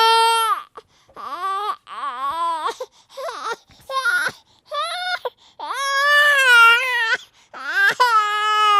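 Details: Baby crying sound effect: short, rhythmic bursts of clear, high-pitched wails with quick breaths between them.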